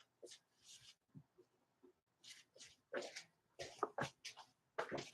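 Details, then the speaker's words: A sleeping male dog gives irregular snuffling, snorting snores in a quiet room, his usual harmless way of sleeping: snoring. "oh no the dog is snoring so don't worry if you hear the dog snoring that's just his normal way of sleeping he snores like this"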